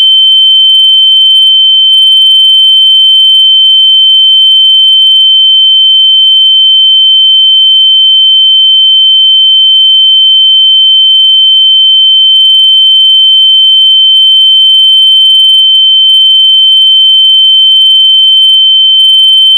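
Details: Simulated tinnitus: a steady, high-pitched, continuous ear-ringing tone.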